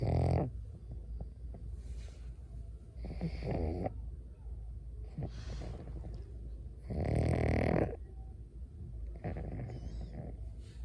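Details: Pug snoring while asleep in its owner's arms: loud, rough, low snores with each breath, repeating irregularly.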